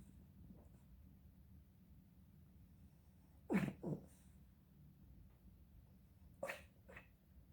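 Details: Sleeping dog sneezing: two pairs of abrupt, explosive bursts of air break a quiet background, four short sneezes.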